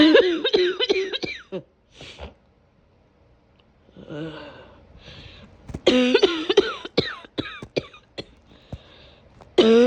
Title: The cough from hell ￼